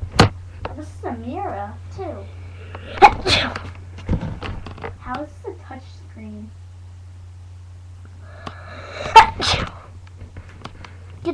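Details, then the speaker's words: Person on a webcam sneezing, described as real sneezes rather than fake: two loud, explosive sneezes with breathy build-ups, separated by brief talk, over a steady low hum; sneezing. "I keep sneezing the. Not getting the sniffles and the cuts and the."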